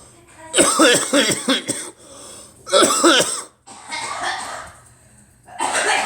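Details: About eight voiced, harsh coughs in two quick runs, followed by breathy inhalations and exhalations; a person coughing alongside a girl.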